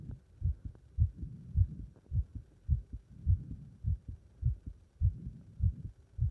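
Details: Heart sounds after leapfrog exercise: strong, regular heartbeat at about 100 beats a minute, quickened after exertion; normal heart sounds after exercise.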